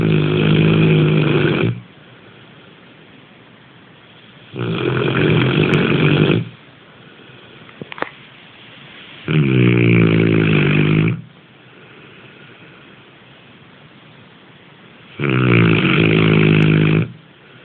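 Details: Loud, rattling snores in a steady rhythm, about eight breaths a minute, with quiet gaps between: snoring.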